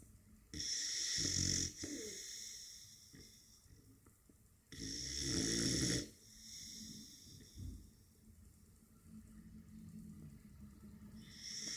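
Breathy, hissing snore sounds with soft snuffling between them, in slow breath cycles. Light snoring.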